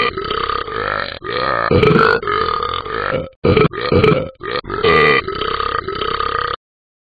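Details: A dog burping: a long run of rough, voiced belching sounds with short breaks between them.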